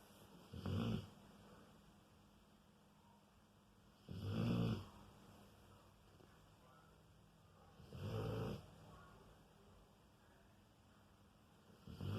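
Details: Dog snoring very loudly: three low, rumbling snores at slow, steady intervals, about 16 breaths a minute, with quiet breathing between; snoring.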